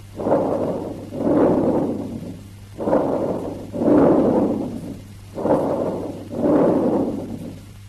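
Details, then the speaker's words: Stethoscope diaphragm: breathing intermediate between vesicular and bronchial, expiration louder, longer and higher-pitched, no pause between inspiration and expiration; bronchovesicular breath sounds. "The bronchovesicular breath sounds have characteristics intermediate between the vesicular and the bronchial breath sounds. So their characteristics vary depending on which component is more prominent. Here the expiration is louder, longer and higher in pitch."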